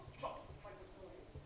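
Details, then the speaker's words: Spontaneous muscle contractions recorded on EMG during a talk on neuromuscular diseases of dogs and cats: faint, dull thumps at a slow, uneven pace over low hiss, sounding like marching; spontaneous muscle discharge. "Вот это спонтанное сокращение мышцы и звучит оно как марш"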